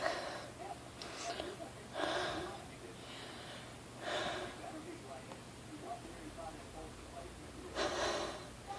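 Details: A run of nonstop sneezes, three or four sharp bursts a few seconds apart with gasping breaths between, right after about 10 minutes in a hardware store with a strong nose tickle, possibly irritated by plants, tools and wood.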